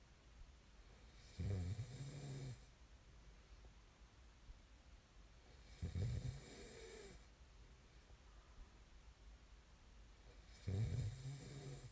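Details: Three deep rumbling snores about four to five seconds apart, roughly 13 a minute, quiet between; ordinary snoring recorded as snoring ASMR.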